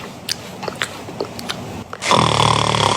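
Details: Snoring example played from online recordings in a sleep-apnea discussion: soft clicks in a quiet room, then loud, rough snoring begins during a breath.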